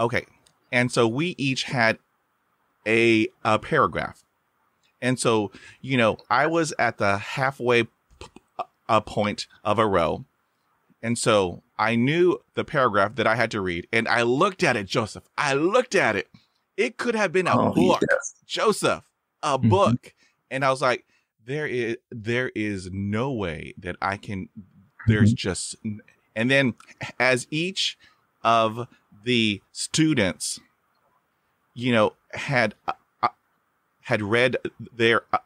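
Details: Stuttering with blocks and repetitions in a man who has stuttered since age five.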